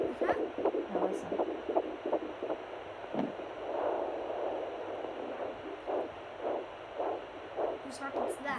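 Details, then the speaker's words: Whooshing pulses through a handheld Doppler, slower than the fetal rate: the mother's own heartbeat picked up by the probe at 12 weeks 5 days of pregnancy, compared with the faster baby's heartbeat. "It's mine. Isn't that a big difference?"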